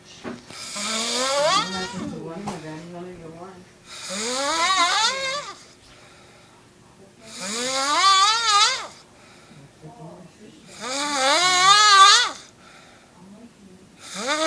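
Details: Snoring: rhythmic whistling, wavering snores on each breath, about 17 a minute, with a high squeaky tone.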